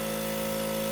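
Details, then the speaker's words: Suction machine turned on during cough assist for a ventilated patient with a tracheostomy: a steady motor hum with a constant whine. "he's getting good air again we're going to press the green button turn the suction machine"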